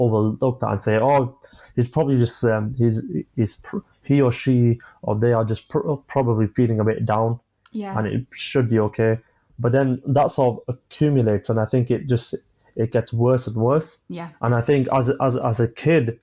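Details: 25-year-old man who has stammered since early childhood, onset he attributes to an asthma attack; describes blocks and manages them with breathing methods and pauses; stuttering.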